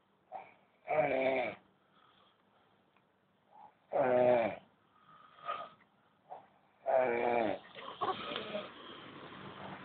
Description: snoring old men, every damn night.